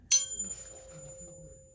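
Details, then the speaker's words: Weber test: a tuning fork is struck and placed at the centre of the head, giving a sharp strike then a fading pure tone. The patient hears it equally in both ears, so there is no lateralization. "ears equal okay so good there is no lateralization of sound"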